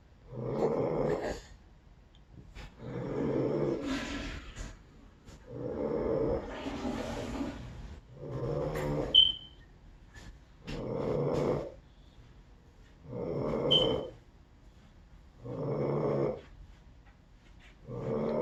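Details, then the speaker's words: Regular rough, rumbling snores about every two to three seconds, near 26 a minute, in a quiet room; likened to furniture being moved or a truck changing gears. "sound like furniture being moved. You know, he driving the truck, he changing that gears, you know."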